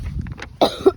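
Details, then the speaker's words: One short, harsh cough heard outdoors during a night walk: an ongoing cough. ">> and I still got my cough. So, sorry about that."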